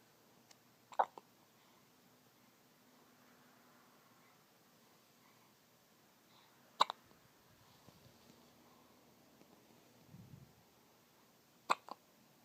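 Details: Baby with hiccups: three sharp, brief hiccup sounds roughly five seconds apart, about 12 a minute, in a quiet room.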